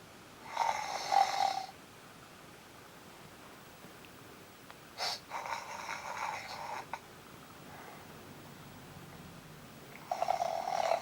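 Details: Snoring keeps another animal awake: three raspy, whistling breath sounds spaced several seconds apart over a quiet hiss.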